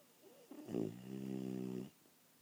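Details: Honey Ham napping: a single low, buzzing, droning snore lasting about a second in a quiet room; snoring.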